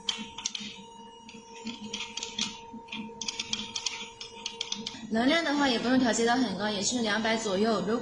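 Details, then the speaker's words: Portable Q-switched Nd:YAG laser, 1064 nm handpiece, firing during tattoo removal, raised from under 1 cm away; pops grow louder and focus finer as distance and energy increase. Rapid sharp popping clicks about three per second over a steady machine tone, then speech. "我们可以看到，在它慢慢抬高的过程中，距离越远的时候，它声音是越来越大的，然后这个点呢是越来越细的，它就是越来越聚焦，证明这个能量是慢慢逐渐变大的。"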